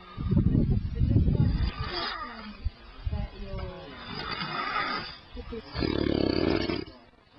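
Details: Loud, rough, low rattling snoring on the in-breath from a sleeping man, recurring across the clip with quieter pauses between.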